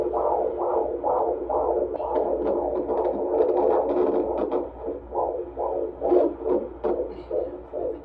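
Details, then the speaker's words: Fetal heartbeat on Doppler at a 28-week midwife checkup, male fetus: rapid, regular galloping whooshes at about 150 a minute over a low hum, with rustling bumps from movement; heartbeat reported good, normal fetal heart rate. "just got done with my appointment I just love the birth center I'll probably talk about it more in other videos but they're just awesome and it's just so easy in and out but she said he looked all good his heartbeat was good"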